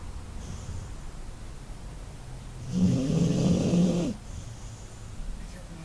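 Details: Animal snoring: a single loud, rough, rattling snore lasting just over a second against a quiet, low room hum.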